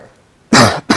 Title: Titanfall 2 Review - Cough Edition